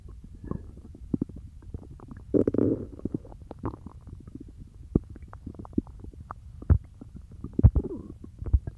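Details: Stomach growling after eating peanut butter: low gurgling, bubbling and squeaky rumbles in irregular bursts from the abdomen, with a louder gurgle around the middle; borborygmi.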